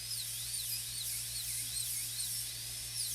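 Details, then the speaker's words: High-speed dental drill reducing the occlusal A-plane of a maxillary premolar for a PFM crown preparation on a typodont model; steady high whine rising and falling slightly as it cuts, faint low room hum. "We're going to reduce the A-plane kind of temporarily, like we're doing a maxillary full gold crown."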